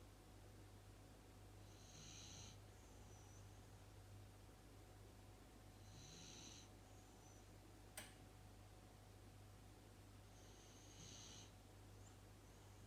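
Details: Sleeping dog snoring loudly: three hissing, whistly snoring breaths about 4 seconds apart, around 14 a minute, over a steady low room hum.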